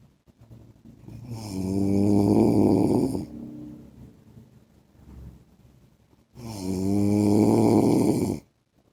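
Loud, buzzing, vibrating inhalations about five seconds apart, with quieter breathing between them. Snoring.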